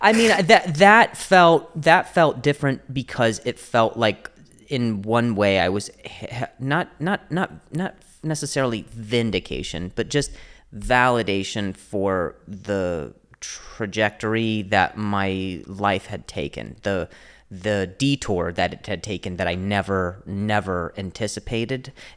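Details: Comedian and podcast host known for his stutter, described as a speech impediment, speaking in conversation; stuttering.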